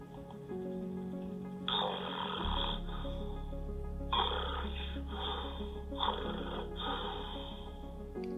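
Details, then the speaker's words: Snoring recorded during a sleep study in a person with obstructive sleep apnea: loud rough snoring bursts up to about 80 decibels separated by breathing pauses, with a low hum underneath; oxygen saturation falls during pauses. "so we can hear you snoring and here we see the snoring we actually have an audio volume up to 80 decibels it's actually quite high can cause hearing loss for the partner even"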